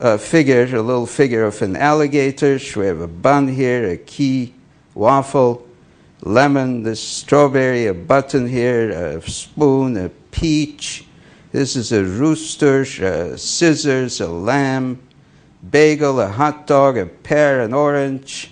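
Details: Adult male speaker; Normal fluent speech (object naming demonstration).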